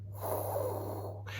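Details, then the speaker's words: Vocal imitation of a heart murmur, the swirling sound of blood flowing past a small tear in the endocardium, contrasted with normal smooth flow; murmur as heard at a physical. "as the blood's going through your arteries but if it's swirling it sounds like this and they write on your chart huh got a heart murmur here"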